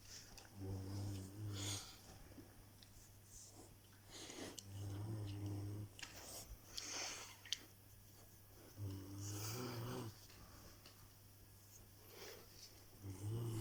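Low rattling snores recurring about 15 times a minute, somewhat irregular, with faint room noise; snoring.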